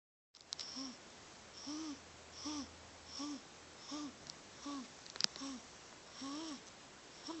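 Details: Snoring recorded on an Android phone video.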